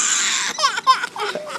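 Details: Steady hiss, then a few short, high, wavering crying sobs from a baby boy crying over his pack of diapers in a small room.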